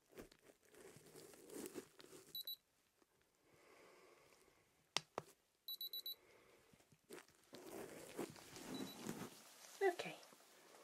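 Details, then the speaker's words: Two sets of short, high electronic beeps from an ear thermometer taking temperature in the ear of a patient with ear pain and blocked ears, with soft rustling and handling noise; simulated ASMR ear exam. "okay just going to take your temperature my lovely okay just to make sure there's nothing going on there all right okay just come to pop it into your ear couple of peeps"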